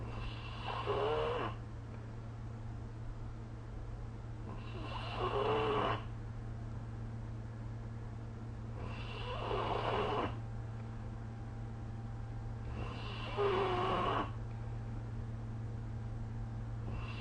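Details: Snoring during sleep recorded with the SnoreLab phone app: four rattling snores on inhalation, about one every four seconds, over a steady low hum of room noise.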